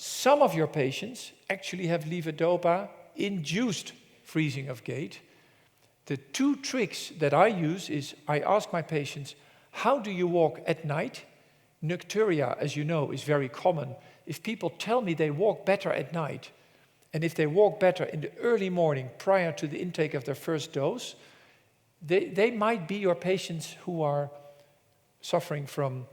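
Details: Adult male presenter; normal speech.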